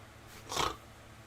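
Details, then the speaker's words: Imitated snoring: an adult demonstrates his own snoring while talking about dozing off, giving a single brief, rough snorting inhalation against quiet room noise. "and I and I wake up because I can still hear myself snoring but I'm going to sleep all right"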